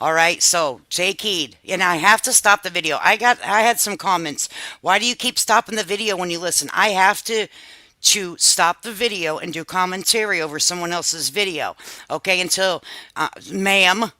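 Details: Adult speaker; normal voice.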